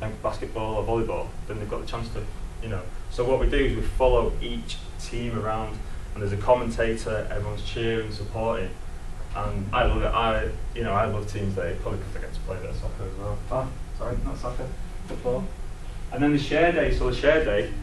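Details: Adult man who lives with a stammer; stuttering.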